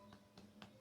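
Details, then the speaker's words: Three quiet, hollow percussion taps over the air-filled stomach give a drum-like sound: a tympanic percussion note. "se escucha como si fuera un tambor. No sé si se logra escuchar, pero espero que sí, pero se escucha como si fuera un tambor."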